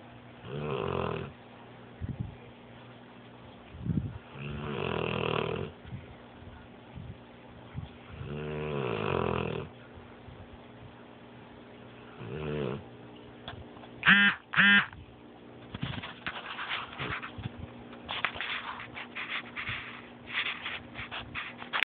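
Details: Rottweiler dog snoring in sleep: loud, rattling snores on each breath, about four in twenty seconds, with lighter snuffling noises in between.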